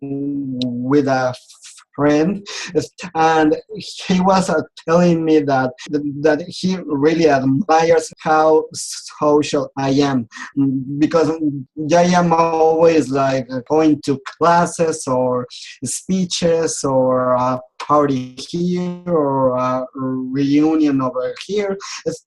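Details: Adult man who has stuttered since age 4 and says he still clearly stutters; speech therapy and support groups helped him; stuttering.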